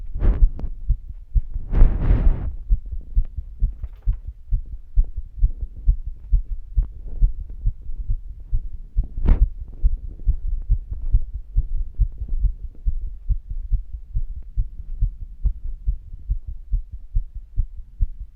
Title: Longer Heartbeat recording while being active